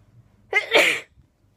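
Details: A single sharp, explosive sneeze with a brief breath in before it, in a quiet room, during a rapid sneezing fit.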